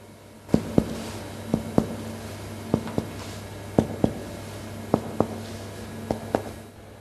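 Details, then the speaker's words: Chest percussion demonstration in a patient with emphysema (COPD): loud, hyperresonant note heard throughout the chest even with light tapping. Hyperresonant percussion note. "吸引式の場合は共鳴音が聞こえるため、軽い打撃音でも聞こえる。"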